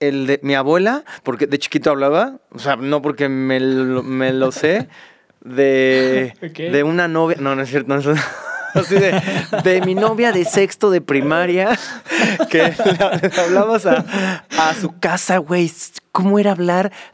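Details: Mexican male singer who has stuttered since childhood and says he does not stutter when singing; finding: stuttering.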